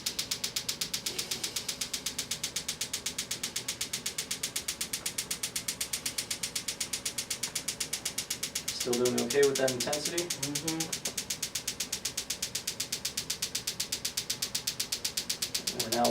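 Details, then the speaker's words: Extracorporeal shockwave therapy device on the Achilles tendon for Achilles tendonitis, delivering eight pulses per second at intensity level 13, about 2,000 of 3,000 pulses done: rapid, regular clicking pulses with brief background talk. "fortunately the machine does eight pulses per second so it's not going to take us three thousand seconds to the treatment"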